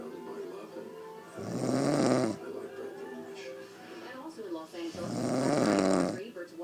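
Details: A woman snoring in her sleep, though she says she does not snore: two loud, rough inward snores about four seconds apart, with quieter breathing between and faint background music.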